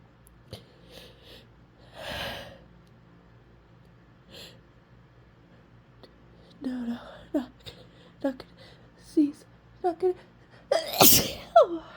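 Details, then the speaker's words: Female with a stuffy, intensely tickling nose deliberately trying to hold back sneezes; quiet sniffs and held breaths build into catching gasps, ending in one loud explosive sneeze. "to God this tickles really intensely I'm not going to sneeze I'm not going to sneeze don't sneeze"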